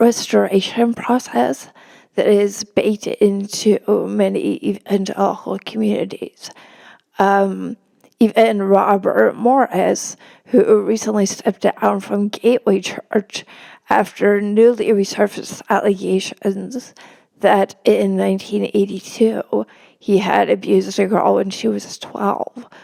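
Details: Real spasmodic dysphonia in a woman, a reporter, speaking as an interview guest; finding: spasmodic dysphonia.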